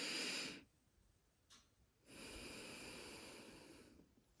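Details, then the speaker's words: Stethoscope lung auscultation just above the clavicle while the patient breathes deeply in and out: soft, airy breath sounds with a quiet pause; normal breath sounds. "so we're going to start off by telling the patient to take deep breaths in and out as we auscultate."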